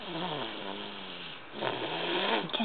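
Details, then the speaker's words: A 13-month-old toddler asleep in a car, very tired, snoring loudly: long buzzing breaths in a small enclosed space; ordinary snoring. "在车上睡着了，然后打呼非常大声，把它录起来，以后放给他听。"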